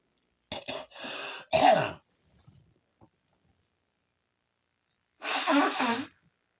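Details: Sneezing fit with runny nose, possibly sinus-related: three quick, sharp sneezes, a pause with small sniffs, then a fourth sneeze.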